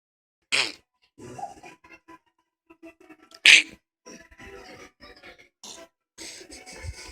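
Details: A baby girl fake sneezing: two sharp, explosive sneeze-like bursts with quieter sounds between them; the sneezes are faked, not real.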